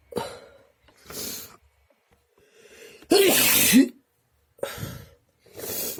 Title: Desperate sneezes (Messy)